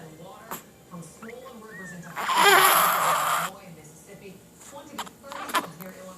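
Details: A cat in a quiet room with a soft voice nearby, then a loud burst of hissing noise and brief sharp puffs: a sneeze.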